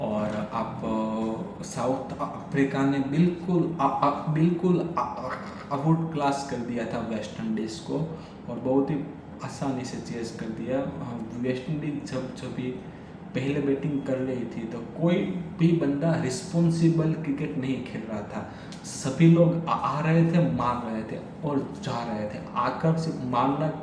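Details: Adult man who stammers, speaking Hindi during daily stammering practice; stuttering.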